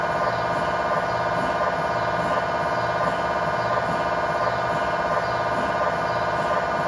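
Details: MRI scanner noise recorded inside the scan room of a GE 1.5T or 3T MRI system running a sequence: loud steady buzzing drone with fast rhythmic knocking pulses, about 170 per minute.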